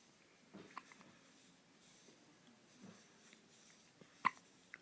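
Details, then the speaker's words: Hiccups: soft, brief hiccup sounds recurring every second or two in a quiet room. "there you flip it off oh you got your ugly hiccups"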